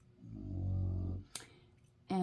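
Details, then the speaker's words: Sleeping black dog with prior nasal surgery, recorded through a closed door: a single loud, low, rumbling snore followed by brief clicks and noise; dog snoring. "that's with the door closed and you can probably still hear harley starring she sounds so loud which is why her name is hurley"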